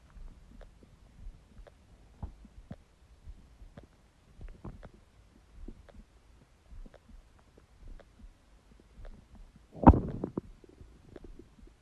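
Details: Soft, irregular low gurgles and rumbles with a louder burst near the end; empty stomach growling (borborygmi).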